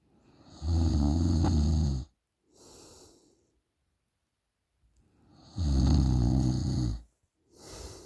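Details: Woman snoring during a short nap, recorded by her boyfriend: loud, low, rattling inspiratory snores alternating with softer expirations over two breath cycles.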